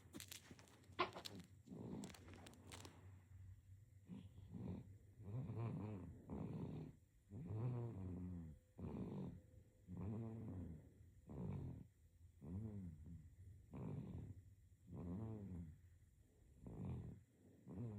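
Soft, regular snoring with each breath, about 24 breaths a minute; infant snoring.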